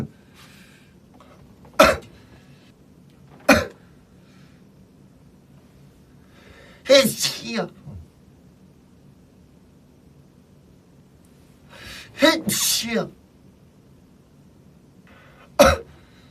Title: SF9 cough and sneeze(2)